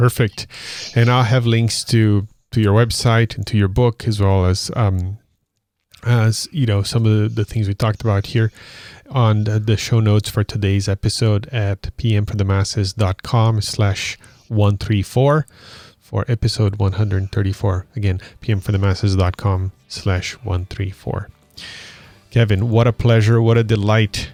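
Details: Adult male speaker; normal speech.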